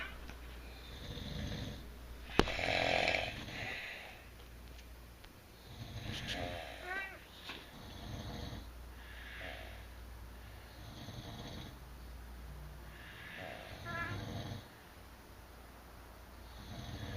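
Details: Two adults, a couple, sleeping together and both snoring out of step: rattling, fluttering snores on in-breaths in a quiet room; heavy snoring.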